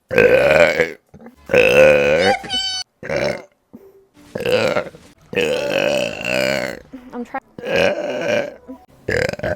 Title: Vtuber burp compilation Pt.3